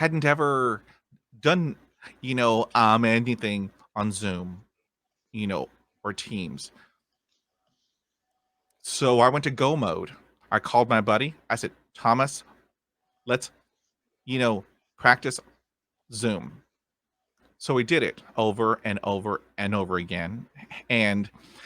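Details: Stuttering in an adult man who stutters, a podcast host, with word repetitions heard.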